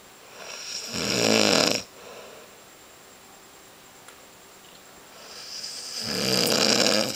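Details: Snoring: two loud, harsh, rattling snores about five seconds apart, with quiet breathing between them.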